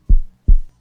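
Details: Two low, dull thumps heard by stethoscope at the aortic area, second right intercostal space parasternal, during a nursing cardiac auscultation exam: normal heart sounds.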